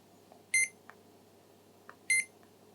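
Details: CADD Legacy Plus infusion pump set up for IV epoprostenol (Veletri), pulmonary hypertension: two short high beeps with faint clicks between, while settings are checked by pressing next before it returns to run.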